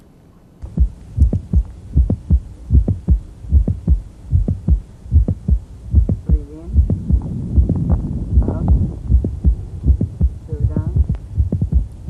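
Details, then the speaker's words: Mitral valve prolapse clicks during the Valsalva strain phase, which reduces venous return and left ventricular volume: regular heartbeat near 77 a minute with sharp extra clicks that shift earlier and multiply with straining. "during the strain phase you diminish systemic venous return and eventually shrink left ventricular volume so if you're starting at a smaller volume the prolapse or the slip will occur more"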